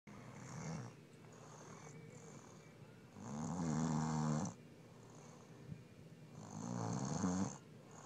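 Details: Adult female snoring, though she claims her snoring isn't loud: rough, rattling snores rising and falling with breathing, about three breaths in eight seconds, softer breaths between.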